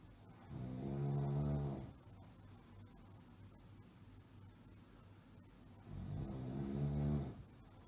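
Two long, low rattling snores on breathing in, about five seconds apart, with steady background hiss; ordinary snoring.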